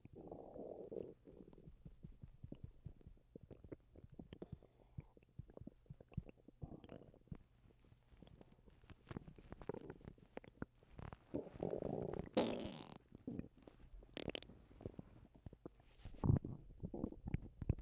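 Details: Bowel sounds (borborygmi) recorded while the person has been sick and vomiting: low gurgling and rumbling abdominal noises coming and going irregularly, with a few louder squelching bursts.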